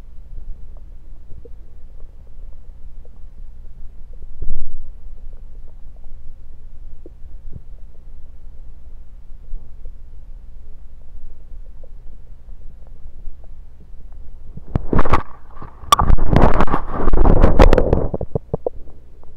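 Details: Bowel sounds through a stethoscope moved around the belly (10/16/23), recorded mainly to show stethoscope placement: low rubbing and faint gurgles, then a few seconds of louder rumbling gurgles.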